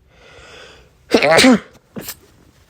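Drawn-in breath, then a loud voiced sneeze followed by a shorter second burst; two sneezes.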